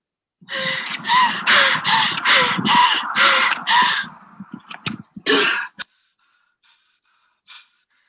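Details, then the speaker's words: Athlete with exercise-induced laryngeal obstruction during exercise: rapid, loud, harsh breaths with a high wheezy whistling tone on breathing in, from narrowing of the extrathoracic airway at the larynx; inspiratory stridor. "so you can hear that there was a wheezy sound but the wheezy whistling sound is on breathing in and that is because the narrowing or the problem with the airway is in the extra thoracic airway around the voice box region and the larynx"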